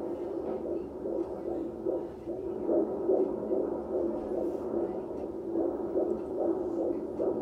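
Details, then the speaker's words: Fast rhythmic whooshing pulses from a Doppler monitor, about 150 a minute, with music playing: a fetal heartbeat heard at a prenatal doctor's visit. "you're gonna hear your brother's such a heartbeat"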